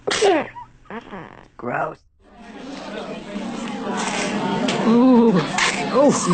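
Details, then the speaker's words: Infant girl, sitting up, gives a few quick, small sneezes, then an adult talks and coos nearby; afterwards there is snot. "Pull that leg up and it's Oh, you got to sneeze."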